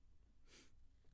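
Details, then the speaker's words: A single short, explosive sneeze from an adult, announced just beforehand, over a steady low background hum. "What? I'm going to sneeze."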